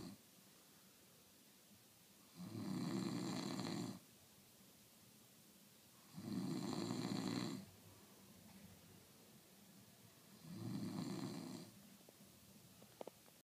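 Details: Sleeping person snoring: three loud, rattling snores about four seconds apart, roughly 14 breaths a minute, with quiet pauses between them, keeping others awake.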